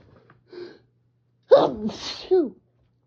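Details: Adult reading a manga author's note aloud by an open window, with spring pollen allergies: a quick in-breath, then one forceful allergic sneeze in a quiet room.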